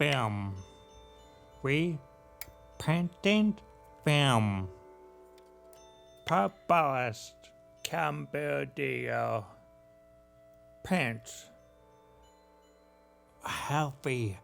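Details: Film excerpt narrated by people with aphasia, speech playing over music: aphasia.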